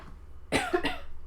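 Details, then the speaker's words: Two short, sharp coughs close together from an adult in a quiet room: cough. "Gosh, I'm so sorry, y'all. I hope y'all can't hear that coughing too bad."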